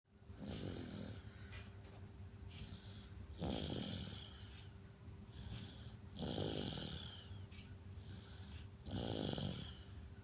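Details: A baby snoring in deep sleep: soft rhythmic snoring breaths, about four in ten seconds, over a steady room hum.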